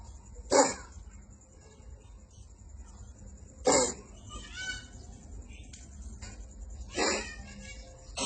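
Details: Cat coughing: three sharp, hacking bursts a few seconds apart against light room noise.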